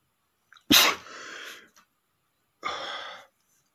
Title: sneezing male #10 (the big sneeze)